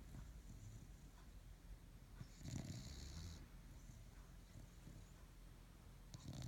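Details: Bulldog snoring while asleep: low, rumbling, rattling snorts with one louder snort midway, in a quiet room.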